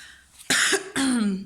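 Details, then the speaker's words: Adult woman gives two short, harsh cough bursts to clear an irritated throat after about an hour of talking, her voice fading: cough / throat clearing. "Oh, my voice and my throat are really feeling it."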